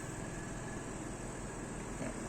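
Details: Medical suction pump (medium type, model M30) running with its manometer showing pressure: steady low motor drone with a constant hum.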